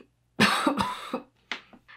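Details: Two loose, rattly cough bursts then softer breaths from a sick singer who has lost their voice, coughing from sinus drainage or possible infection, no COVID symptoms; a wet, productive cough, not dry.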